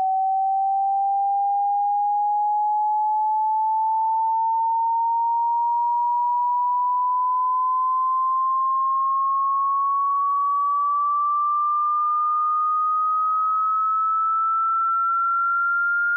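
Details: Tinnitus pitch-matching frequency sweep, to be heard through headphones or speakers in a quiet room: a single steady pure tone gliding slowly upward from mid to upper-mid pitch.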